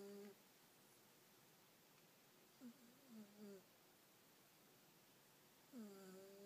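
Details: Faint whistling, humming snores with irregular breaths from a sleeping female cat, Bonneau, snoring her head off; snoring.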